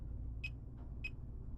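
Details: Fingertip pulse oximeter beeping with each heartbeat during a side-by-side heart rate comparison with a realme Watch 5 smartwatch after recent activity: two short beeps about 0.6 seconds apart over low room hum, roughly 100 a minute.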